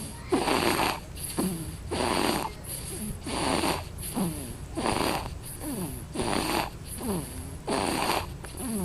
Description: Fumny babies making weird noises - funny babies sonring compilation..